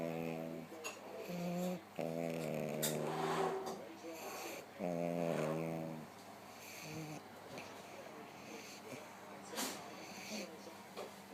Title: Sheldon The Staffie Snoring!